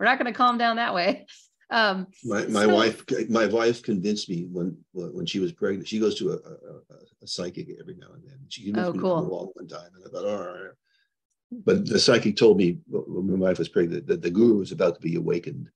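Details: Adult man with progressing Parkinson's disease who reports stuttering a little, losing his words and impaired balance; finding: stuttering-like disfluency in Parkinson's disease.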